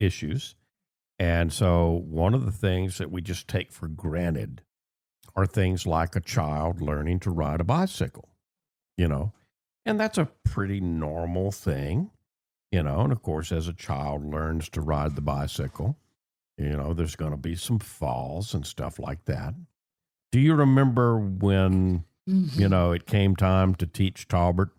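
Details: Adult man speaking; typical speech.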